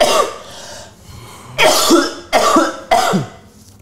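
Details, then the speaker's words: A child with autism coughs four times in short, harsh, unproductive bursts; a dry cough described as hard to cure, possibly dust allergy, warm water advised. "batuknya susah disembuhkan minum air hangat air hangat"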